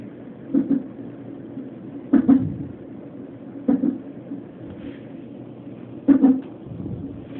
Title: Hiccups at the non stress test 32 weeks